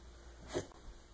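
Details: A single soft, brief snorting burst, a small sneeze, amid a person's repeated "achoo"; Clancy, a Keeshond, fetches a tissue when someone sneezes; sneeze.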